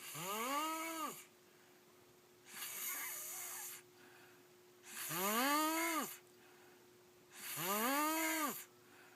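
Loud, regular snores on each in-breath with a quieter hissing out-breath, about 24 breaths a minute; a faint steady hum runs underneath.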